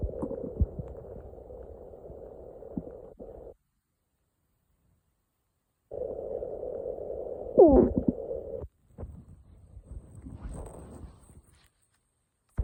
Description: I woke up one morning, and my stomach was going crazy! Taken a listen~